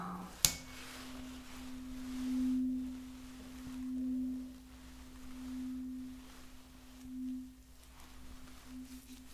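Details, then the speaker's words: Sharp strike then steady pure tuning fork hum swelling and fading as it moves ear to ear in a simulated ASMR roleplay hearing test, binaural recording. "I'm gonna be using this tuner fork right here. I'm gonna be bringing it, and I'm gonna need you to tell me whether you hear it equally from one side to the other."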